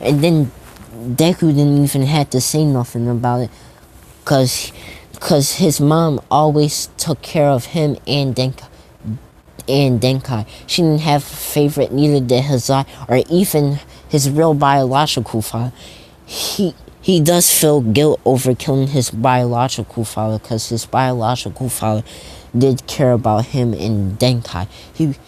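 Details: Stuttering in a man who says he stutters a lot, narrating a fan story.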